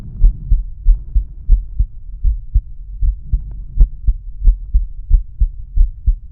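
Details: Normal heart sounds from a male heart, auscultated with the stethoscope diaphragm across the aortic, pulmonic, Erb's point, tricuspid and mitral/apex areas.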